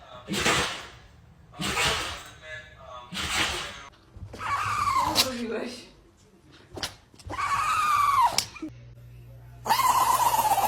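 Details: Dog sneezing: three short, sharp bursts of air, then whines and other vocal sounds with music behind.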